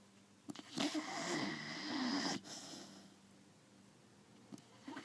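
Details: Sleeping Beagle snoring with a long, rough, rattling breath sound and a few short snorts; snoring.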